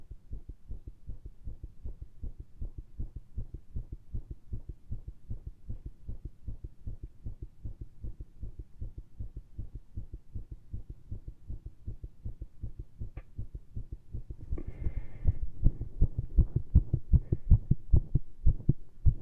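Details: Heart via lav mic and stethoscope after much caffeine and intense exertion (pushes, pressure) aimed at irregularity: rapid dull thumps at roughly 158 bpm, unevenly spaced, growing louder.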